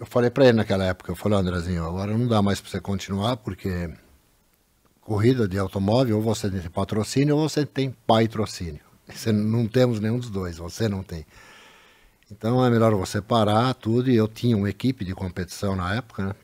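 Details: Adult man; normal speech.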